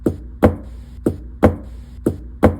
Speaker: We use the terms loved dub to describe the heart sounds. This is what the heart normally sounds like.